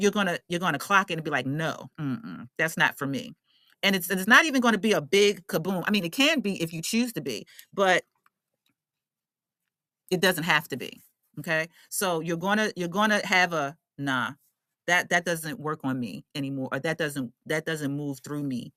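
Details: Adult woman who states she is a stutterer and is working on her speech; repeated words and phrases heard; stuttering.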